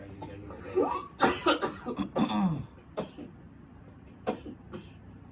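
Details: Persistent cough, harsh repeated partly voiced coughs in quick series, in an adult reporting nonstop coughing that pulls down to the abdomen, worse at night, with back pain radiating to the stomach.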